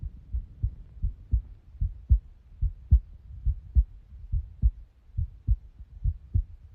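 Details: Clear, regular lub-dub of the recorder's own heart at about 70 beats a minute, with crisp first and second heart sounds: normal S1 and S2.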